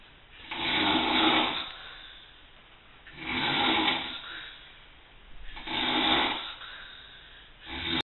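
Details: Man snoring: rough, airy snores repeating about every two to three seconds with soft breathing between; ordinary snoring.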